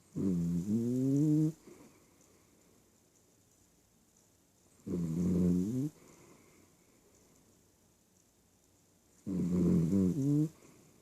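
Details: Snoring: three loud, rattling, wavering snores about four seconds apart, roughly 13 a minute, with quiet gaps between.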